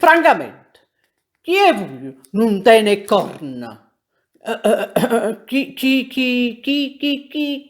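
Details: Acted stutter: an actor playing Tartaglia, the Neapolitan comic stock character of a stammering lawyer, in a courtroom scene, with the stutter performed for comedy with repeated syllables; stuttering (acted).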